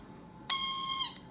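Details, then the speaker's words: ProNox nitrous oxide unit alarm, set off when breaths drop supply pressure low, oxygen-driven and continuing even when switched off: a short, shrill, steady tone of about half a second. "That shows you that there's an alarm going. I can turn it to the off position. It doesn't stop the alarm. It might change the sound a little bit, but those rods are still going to go back and forth, and you're still going to hear an alarm."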